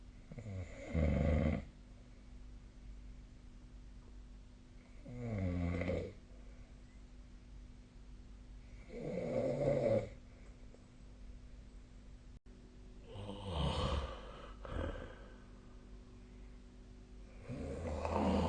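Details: A sleeping person's snoring recorded with a snore-tracking phone app: rhythmic, rattling snores on each in-breath, about 14 per minute, over a steady room hum.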